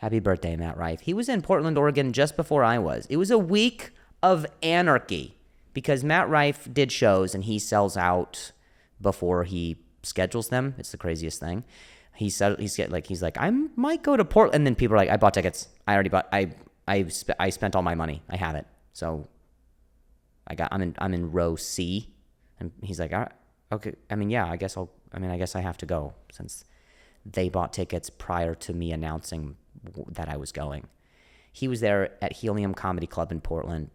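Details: Adult male comedian who stutters (speech impediment), speaking on a podcast; audible repetitions; stuttering.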